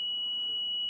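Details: Steady high-pitched electronic tone from a Zoll M Series defibrillator charging or ready during a synchronized cardioversion calibration test into an analyzer, set around 200 J.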